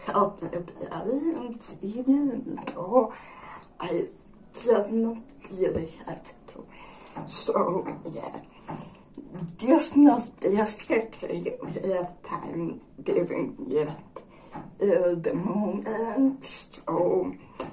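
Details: Dysarthria in a woman with generalized dystonia.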